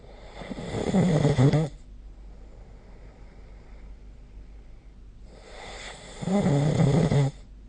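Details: Snoring recorded with the SnoreLab app: two deep, fluttering snores about five seconds apart with quiet breathing between, loud sleep snoring at around 12 breaths a minute.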